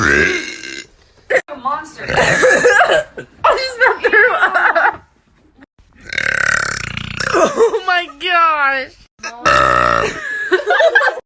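Several long, loud, rumbling voiced belches in a row from different people, a burping compilation.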